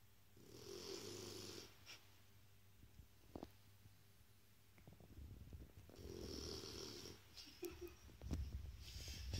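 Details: Two soft, rasping snores about five seconds apart from a sleeping Shar Pei dog, with faint room noise between; snoring.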